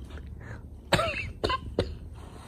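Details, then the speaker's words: Three short, harsh cough bursts from an adult with a hoarse voice whose throat has not healed recently; the first burst is strongest, with a throat-clearing quality. "Cổ họng của tôi gần đây vẫn chưa lành ."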